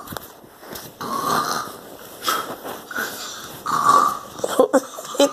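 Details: Child imitating his grandmother's snoring in sleep with rough, rattling breaths, followed by brief squeaky vocal sounds; imitated snoring.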